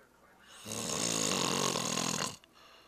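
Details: Snoring recorded with a Flip Video camcorder: one long, loud, rattling snore on a breath in lasting nearly two seconds, over quiet room noise.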